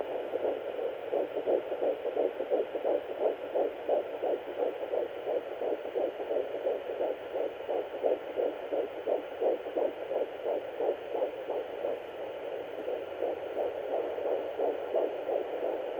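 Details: At 8 weeks 5 days of pregnancy, found after first picking up the mother's own beat: rapid, steady whooshing pulses at about 175 per minute, much faster than the mother's, an early fetal heartbeat.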